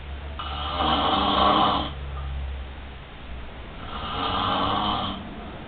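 Two long, loud, rattling breaths, each followed by a quieter pause, in a small room: typical snoring.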